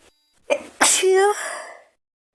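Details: A girl takes a quick in-breath, then gives one sharp sneeze ending in a short voiced 'choo'; sneezing.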